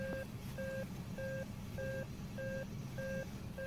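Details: Regular two-tone beeps about 100 a minute over room noise from a Nihon Kohden defibrillator in AED mode, as pads are applied in a simulated ICU nursing training demonstration; AED prompt beeps.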